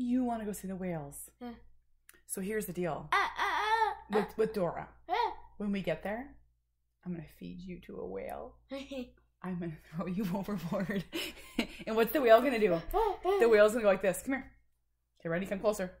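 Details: Adult speaking playfully to a child; ordinary speech.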